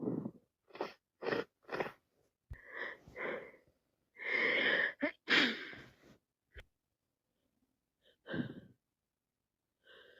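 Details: Sneezing with a head cold: repeated wet, explosive sneezes with sharp inhalations and sniffles between them.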